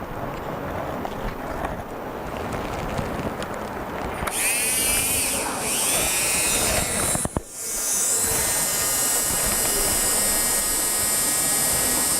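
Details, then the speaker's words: Dental micromotor with flame-shaped burr cutting a labial bevel on a tooth before bonding, adjacent tooth protected, conservative dentistry demonstration; high-pitched motor whine starting partway and running steadily. "So I have a micromotor out here and I make use of the flame shaped burr"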